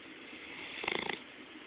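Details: Bloodhound snoring, recorded up close: a single short, fluttering snore over a hissy background.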